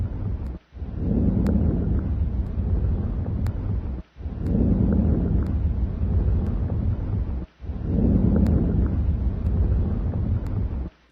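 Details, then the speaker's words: Soft, low-pitched rustling breaths through a stethoscope on a chest exam, about 17 a minute with brief gaps: normal vesicular breath sounds over the peripheral lung fields, with bronchovesicular sounds over the main bronchi. "you should also hear Branko vesicular sounds over the main bronchi and vesicular sounds over the rest of the lung fields"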